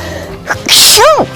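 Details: Japanese voice actor sneezing: a short, sharp, hissing sneeze burst followed by a voiced rising-falling tail, with faint background music; sneezing.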